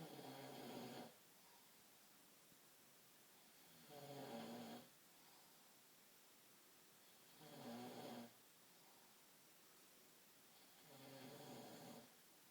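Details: Man sleeping: loud rattling snores on each in-breath, about 16 a minute, with quiet gaps between; heavy snoring.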